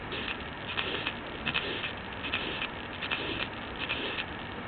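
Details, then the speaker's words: SAM simulator, stethoscope over the neck: harsh systolic murmur at about 77 beats a minute from severe aortic stenosis radiating to the neck, grade 4 or above, with a systolic thrill directed toward the right neck. "severe aortic stenosis can be built in the neck as well to determine if the murmur is a grade 4 or above"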